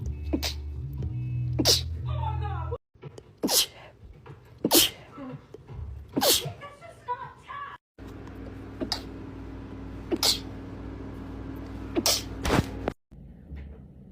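About eight sharp, explosive sneezes in quick succession with brief gasps between, over background music: rapid repeated sneezing.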